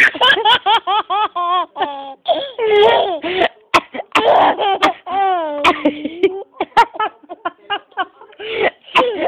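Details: An adult woman gives a few rough coughs while her young son laughs loudly in bursts around them.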